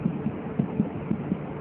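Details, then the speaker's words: Fetal heart sounds heard during Leopold examination, listening over the lower right quadrant at the right paramedian line while palpating the mother's pulse to compare; soft, quick, muffled thumps faster than the maternal pulse under a low hum. "sudah ini yakin denyut jantung Hai gimana jenis jantung janin bahkan akan lebih cepat dari denyut nadi ibunya"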